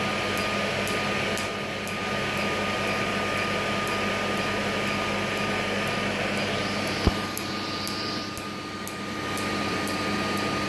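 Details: Q-switched Nd:YAG plus ruby laser tattoo removal, second session on a heavily shaded lotus tattoo: rapid sharp ticking pulses about four a second over steady machine hum and cooling fan.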